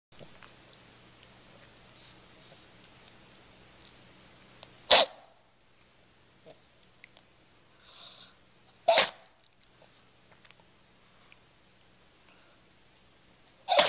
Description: The sweetest sneeze you'll ever see! This sneezing puppy is really a 14.5 year-old dog.